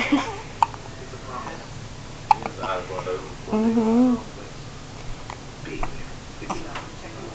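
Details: Several abrupt, sharp gulping clicks a few seconds apart, one with a brief voiced sound, against quiet room noise; repeated hiccups.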